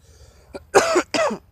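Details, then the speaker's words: Cough during a week-long cold-like illness (low energy, stuffy scratchy nose, body aches): two short, partly voiced coughs in quick succession. "so I've been sick for like a week now it's getting really annoying started off with like lack of energy didn't like stuffy and scratchy nose body aches"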